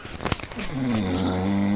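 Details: Man snoring: a loud, low, rumbling buzz on a drawn-in breath, the throaty vibration of snoring.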